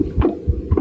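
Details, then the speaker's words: Soft, low heart thumps with faint extra noise between them, an innocent, harmless murmur that kids sometimes have; innocent heart murmur. "this is just innocent murmur just sometimes kids have murmurs"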